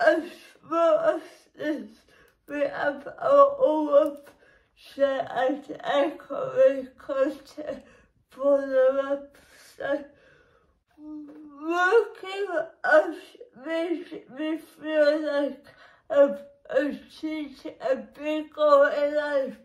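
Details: Woman with cerebral palsy, which she says makes her muscles and movements difficult; dysarthric speech in cerebral palsy.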